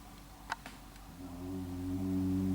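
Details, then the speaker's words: A man sleeping in a shared room snores at 6:43 a.m. while the recorder, awake after 90 minutes of sleep, holds the phone closer: clicks, then a low, rising, droning snore on an in-breath. Ordinary snoring. "Don't know if you can hear that, but this motherfucker's snoring. So now I can't sleep."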